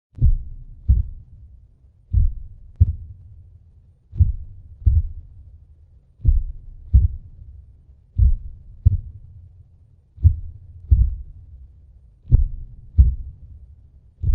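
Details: Sound-effect heartbeat for a fictional vampire: deep, booming, slow, steady lub-dub at about 40 to 45 beats a minute; heartbeat.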